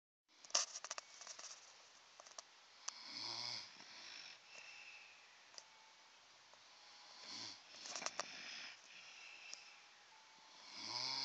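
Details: Two dogs snoring in sleep: soft, rough breathing noises in a quiet room with a few low snorting snores.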